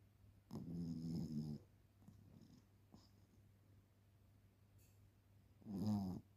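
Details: Low, buzzing snorts with quiet breathing between them from a sleeping Shih Tzu puppy; snoring.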